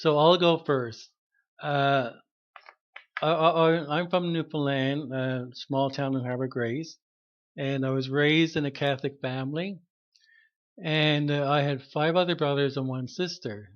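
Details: Retired adult man who stutters, with audible word repetitions; stuttering.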